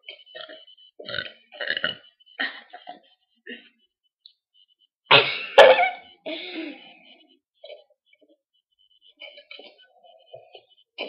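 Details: Two girls burping: several voiced burps, some drawn out as if shaping words, with short pauses between; burping.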